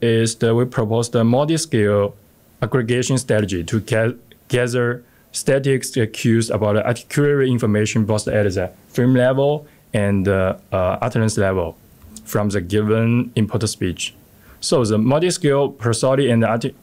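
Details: Adult male speaker; normal speech.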